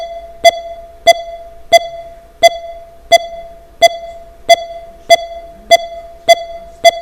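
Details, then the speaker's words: Bedside monitor beeps at about 87 a minute, with gaps shortening on inspiration and lengthening on expiration: profound respiratory sinus arrhythmia, a normal sign of good health. "he has very profound respiratory sinus arrhythmia naturally-occurring arrhythmia it's a sign of good health it's classically seen in the young and the fit and dad doesn't have it"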